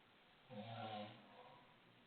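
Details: Snoring from a husband asleep in the bedroom: one low, rough, rumbling snore lasting about a second, rising and fading against quiet room noise.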